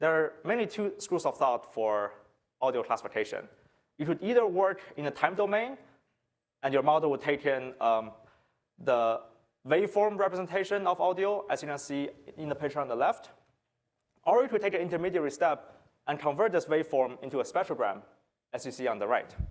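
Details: Adult male speaker; normal speech.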